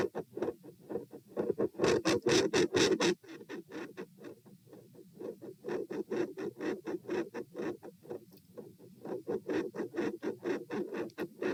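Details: Heart sounds at position P while standing: regular beats much louder for about a second, then dropping back; weird extreme intensity change, PFO shunt suspected.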